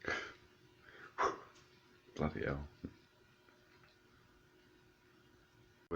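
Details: Explosive, repeated sneezing fit that won't stop, with heavy nose blowing: forceful sneezes and sharp expulsive bursts with breathy catches in a quiet room; no wheeze heard.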